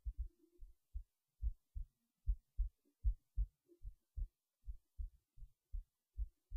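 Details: Heartbeat recorded late at night while resting in bed before sleep: regular low paired thumps at about 76 beats a minute; normal rhythm.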